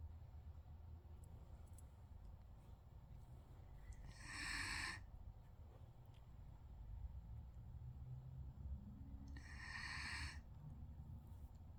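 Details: Two soft, hissing snore breaths about five seconds apart over a low room rumble, from a sleeping dog; snoring.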